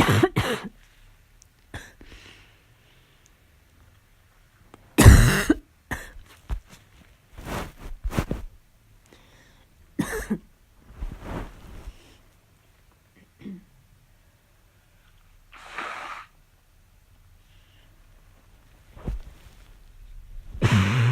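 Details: Adult with a fall cold giving several harsh, abrupt barking coughs with throat clearing between them.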